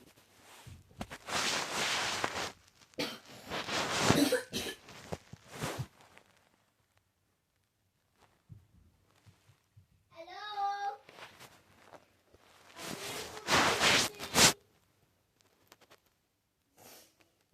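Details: Child's cough: repeated harsh coughs in clusters of several bursts with a brief squeaky sound between bouts.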